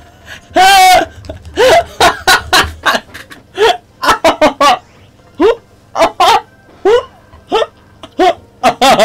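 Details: Run of short, abrupt voiced hiccups mixed with laughter, repeating irregularly, from a streamer during a live stream; hiccups with laughing.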